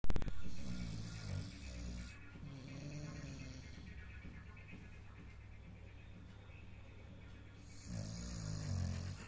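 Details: Deep-sleep snoring from a pitbull dog sleeping comfortably.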